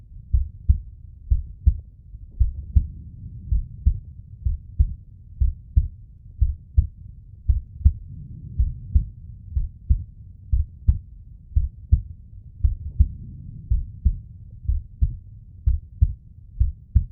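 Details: Steady paired lub-dub heart thumps with a low hum, played back in slow motion: normal heart sounds.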